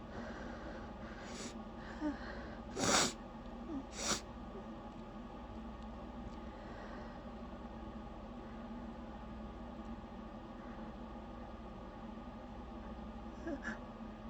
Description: i was able to keep myself from sneezing a little bit but after that first sneeze slipped out i just couldn't help myself.